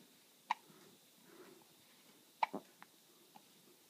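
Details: Two sharp, quiet hiccup clicks about two seconds apart, with a few fainter ticks in a quiet room; hiccups.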